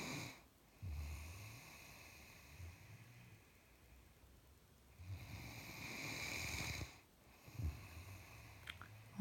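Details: Snoring from Max, a Great Dane sleeping in a Santa hat: slow, soft rattling breaths with a faint whistle on some, about two breaths in nine seconds, over quiet room noise.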